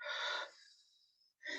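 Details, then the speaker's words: Demonstration of a huff (forced expiration technique) during a respiratory physiotherapy talk: small breath in then long breathy forced exhalation using tummy muscles to move phlegm from lower airways, trailing off, then another breath. "you can do a smaller breath in with a long huff really uses your tummy muscles and it tries to um recruit the phlegm from the lower airways"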